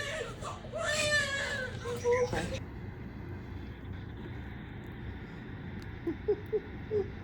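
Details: Newborn baby boy's first cry right after a birth earlier than expected: strong, clear wailing, then quieter whimpers with room noise; a normal vigorous first cry.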